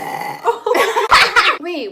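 A run of loud, voiced, croaking belches in quick succession, with a short voiced sound at the end; repeated burping.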